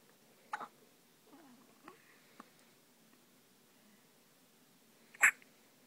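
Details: Newborn baby boy in hospital, nearly 24 hours old, with hiccups: soft brief catching sounds at irregular intervals in a quiet room, with small infant noises.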